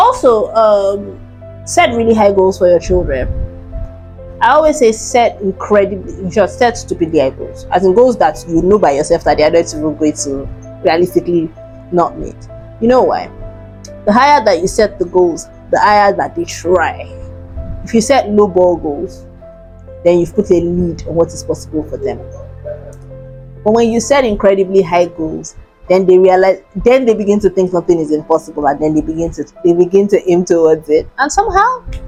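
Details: Dysarthria in cerebral palsy in an adult woman born preterm at 29 weeks weighing 1.1 kg.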